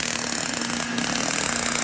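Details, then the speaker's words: Steady rapid buzzing rattle with a hissing edge from a Sciton Halo hybrid fractional erbium laser during chest resurfacing of a male patient for crepe skin and discoloration; fractional laser in operation. "So, you guys could see, show them up close all the little dots. That's the erbium. That's the little dots that are gonna exfoliate and"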